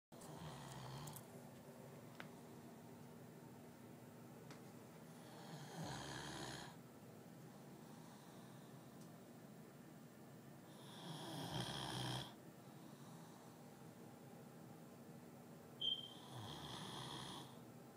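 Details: Dog snoring after a rough night: three slow, noisy, rasping breaths about five seconds apart in a quiet room, about 11 a minute.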